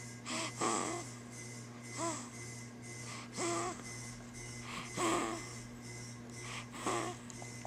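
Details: Sleeping subject snoring: irregular snoring breaths with whistling, wheezy snorts about every one and a half seconds, over a steady room hum.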